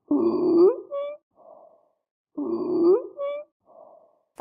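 Harsh, rising, high-pitched squealing breaths repeated twice; stridor, a sign of narrowing in the upper airway.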